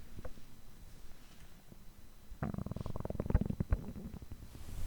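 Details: Human stomach growling (borborygmi) after overeating, which typically continues for over 3 hours: a long, low rumbling gurgle rising midway with a rapid run of bubbling pulses.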